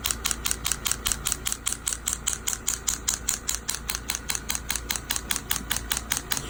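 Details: Steady sharp clicking pulses, about 74 a minute, over a low hum, from an extracorporeal shockwave therapy device treating a young man's Achilles tendinitis after a PRP injection; uncomfortable at first, then tolerable.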